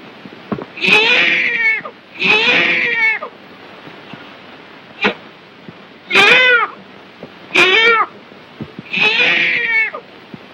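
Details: Repeated high-pitched wailing cries, about six bursts with short pauses, from a newborn boy (8¼ lb) just delivered in a 1938 dramatized educational film of actual childbirth, over old-film hiss; normal newborn cry.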